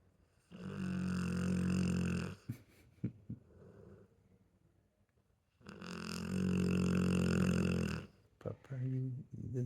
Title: Pitbull Snores Louder Than A Grown Man!